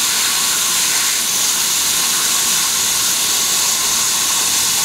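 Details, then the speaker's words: Loud steady hiss with fine crackle from a Biolase Waterlase MD water-spray dental laser cutting soft tissue during maxillary frenectomy; S mode, 7% water and 11% air, end-cutting tip held about 1 mm off the tissue. "now remember this is end cutting so if you get a fiber you're not going to get any cutting if you're doing that so try and come off the surface just a little bit about a millimeter and just let the tissue melt"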